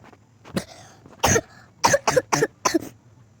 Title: Sorry I got a Cough 😅♀️